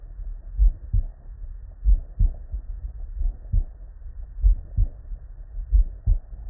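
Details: Real, unedited human heart sounds recorded at the bedside from multiple patients with normal cardiac physiology, looped continuously: normal first and second heart sounds (S1 and S2).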